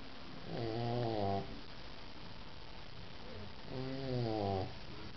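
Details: Sleeping French bulldog puppies snoring: two drawn-out, buzzing snoring breaths, each about a second long, separated by a quiet pause.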